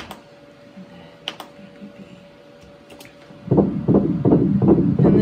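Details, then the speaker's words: Fetal heartbeat of twin baby B at 10 weeks, IUI twin pregnancy, heard at ultrasound: rapid regular whooshing beats about 160 a minute after a quiet start, described as really good. "is baby bee's heartbeat they're both really good"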